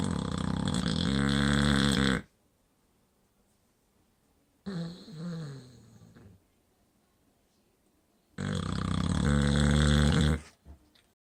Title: Winnie the snoring pibble.